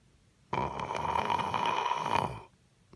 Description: I’ve always said I don’t snore, I “purr.” Have a listen.... am I right? Or am I right!?